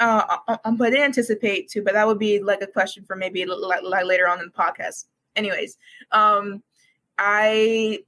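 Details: Stuttering in a university student who has stuttered for as long as they can remember and began speech therapy in kindergarten.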